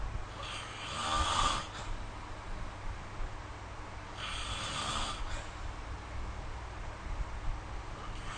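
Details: Adult snoring recorded with the SnoreLab phone app: two rough, rattling inspiratory snores about three seconds apart over steady room hum.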